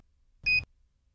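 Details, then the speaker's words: Philips HeartStart OnSite AED, training demonstration: a single short, high electronic chirp, the alert that the unit failed its self-test or needs attention, such as low battery. "as long as the ready light is blinking and the Heart start is not chirping you can be confident the heart start has passed its most recent self test and is therefore ready to use"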